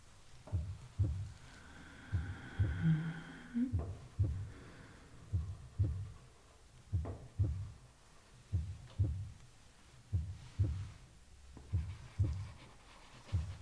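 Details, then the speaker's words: Soft regular paired heartbeat thumps, about 70 beats a minute, checked with the pulse while a thermometer reads under the tongue, in a staged ASMR bedside role-play; steady rhythm, heartbeat. "Okay, steady rhythm. That's really good."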